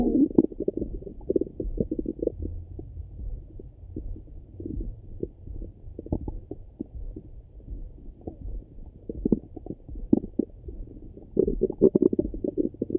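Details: Person's own morning stomach rumbling: continuous low rumbling and gurgling with frequent clicks and bubbling bursts, active bowel sounds (borborygmi).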